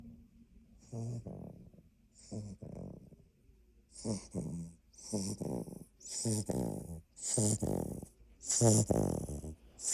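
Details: Labrador puppy snoring while asleep: rhythmic, rattling snores with a soft whistly hiss on each breath, growing louder across the clip.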